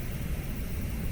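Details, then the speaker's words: AIRVO 2 heated high-flow nasal cannula switched to junior (pediatric) mode: steady low rushing airflow noise that grows quieter as the maximum flow drops to 25 L/min. "Now this max flow, you can hear it getting quieter. This max flow is 25 L. m."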